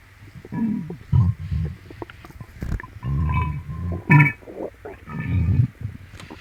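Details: Loud stomach growling (borborygmi) in a person with an upset, painful stomach, likely from something eaten, while stroking the tummy clockwise: gurgling, rumbling bowel sounds in irregular bursts.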